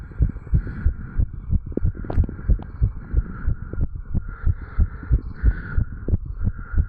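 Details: 35-year-old man's heart recorded at the tricuspid valve area after jogging: strong, quick, regular heartbeats with crisp paired thumps, normal heart sounds after exercise.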